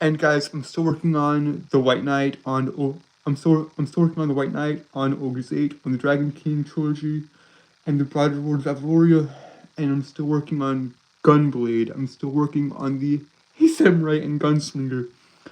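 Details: Stuttering in a male streamer who says he has a speech impediment that makes him stutter and trip over his words.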